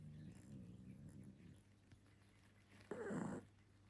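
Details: Sleeping pug dog: soft, low rumbling breaths, then a short louder snort: gentle snoring and snorts.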